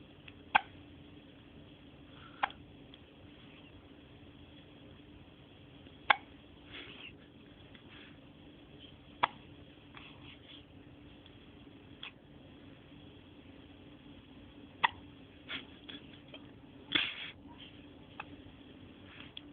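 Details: Soft, sharp hiccup clicks repeat every couple of seconds over faint room noise, about eight in twenty seconds, from a 6-day-old baby boy having his first hiccups.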